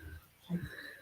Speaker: Can you hear that dog snoring in the room? How sensitive that sounded?